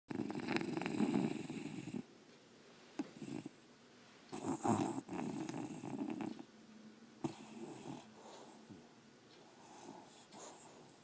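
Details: English bulldog asleep, snoring loudly: a loud rattling snore followed by quieter breathing with soft snuffles in a small room; snoring.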